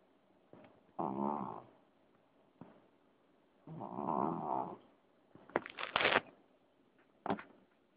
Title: Snoring cat